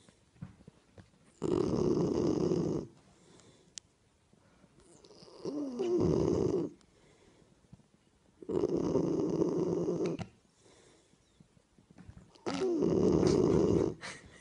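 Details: A sleeping Springador (Springer Spaniel–Labrador cross) puppy snores in loud, rough bursts, four in about 14 seconds, with quiet pauses between: ordinary snoring.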